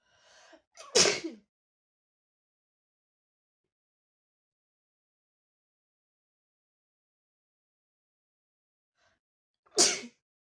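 Two loud, explosive sneezes about nine seconds apart, the first with a short intake of breath before it, with silence between.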